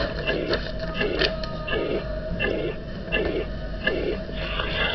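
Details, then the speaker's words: Teaching recording of mitral regurgitation: a regular heartbeat near 83 a minute with an even, uniform, blowing holosystolic murmur from a constant left ventricle-to-atrium pressure gradient. "The pressure gradient between the left ventricle and left atrium remains relatively constant throughout systole, resulting in a uniform or holosystolic shape."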